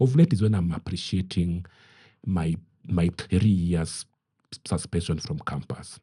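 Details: Adult man who stammers; he says his stammering is genetic, inherited from his mother, and at times acute; word and part-phrase repetitions are heard; stuttering.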